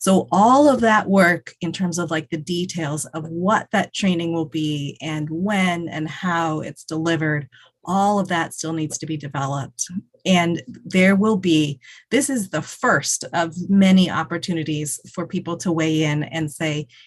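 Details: Adult speaker; normal speech.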